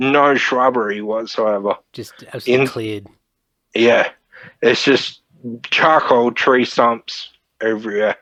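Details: Dysarthria (slurred speech) from Friedreich's ataxia, a neurodegenerative disorder, in a 31-year-old man diagnosed at 14; he reports slurred speech and struggling with words as part of the disorder.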